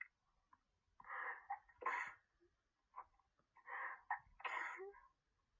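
A quick run of sneezes, each a sharp burst after a brief in-breath, with a pause between the pairs.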